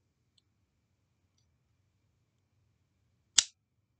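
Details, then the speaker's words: Omnipod Dash insulin pod placed on the arm and controlled with AndroidAPS: near silence with faint ticks, then a single sharp loud click as the cannula inserts, felt as a little pinch. "and there you could hear that loud click that was what I just inserted and it's just kind of a little pinch"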